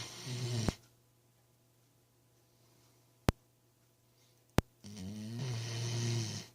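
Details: Snoring: low, rattling snores on breathing, separated by a quiet pause of several seconds with two sharp clicks.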